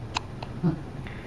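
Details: Three or four short, sharp catches of breath over about a second against room noise, amid Spanish speech; hiccups.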